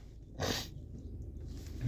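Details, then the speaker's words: One brief, forceful sneeze over steady room noise, in a run of repeated sneezes, with more expected. "Yeah, I'm Okay, see you guys. I think I have to sneeze a fifth time."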